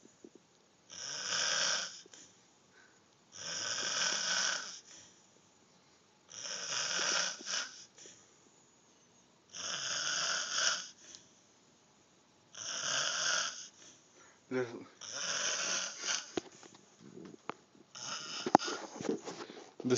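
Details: Man snoring after drinking alcohol, recorded on an Android phone: loud, rasping snores on each inhalation, about 20 a minute, with quiet exhalations between; snoring.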